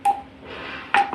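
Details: Two short electronic beeps as settings keys are pressed on a Uniwer UMS A12 multiparameter patient monitor while changing patient type from adult to pediatric/neonatal.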